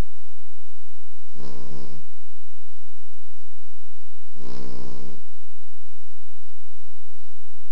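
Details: Two slow, rattling snores about three seconds apart, each a low buzzy vibration on inhalation, from a sleeping pet named Lilybell, over quiet room hiss.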